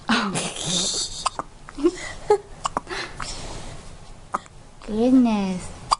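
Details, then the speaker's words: Hiccups in a 2.5-hour-old newborn boy, 6 lb 15 oz, heard as brief sharp clicks recurring irregularly about once a second over soft murmuring, with a short infant vocalization; he is cold and just fed. "He's like, I'm cold and I got the hiccups."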